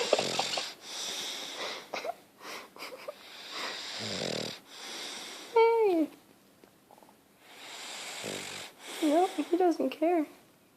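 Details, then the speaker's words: Snoring in a deeply asleep male who doesn't wake, with a very dry tongue: rough, rattling snores on each breath in, squeaky whistling tones and snuffles between them. "passed out. He just doesn't wake up. Back to snoring."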